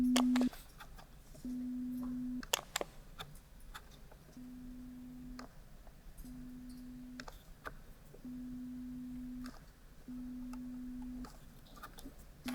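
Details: Pure-tone audiometry tones at low frequencies (125, 250, 500 Hz), heard through headphones in a binaural recording simulating a hearing test with a Thai audiologist.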